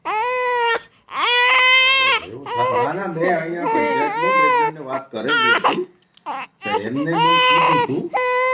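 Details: Loud, high-pitched rhythmic wailing with brief breaths between, from a 2-month-16-day-old infant; ordinary baby crying.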